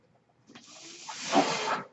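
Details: Steady, rising hiss of forced air swelling over a second then fading, a ventilator delivering a breath during a podcast introduction; the speaker says the noise is from his ventilator; real recording.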